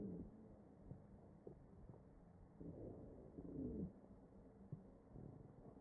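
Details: Real ventilated patient, chest auscultation: wheezing heard over the ventilator breath sounds.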